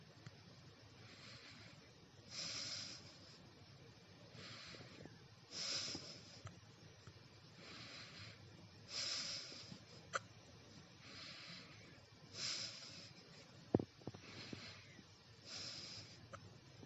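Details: Short, abrupt breathy catches at an irregular pace, about 18 a minute, against quiet hiss; hiccups that started while eating breakfast and have lasted 3 hours.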